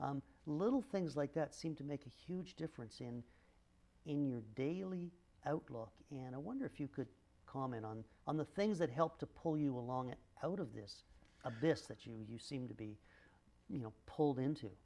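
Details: Adult male speaker; typical speech.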